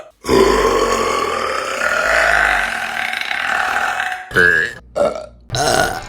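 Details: A burping compilation clip: one long, loud, rumbling belch, then two or three shorter burps, repeated belching of swallowed air.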